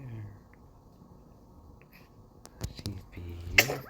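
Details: A newborn's single tiny, sharp sneeze after a few soft clicks and sniffs in a quiet room: newborn sneeze.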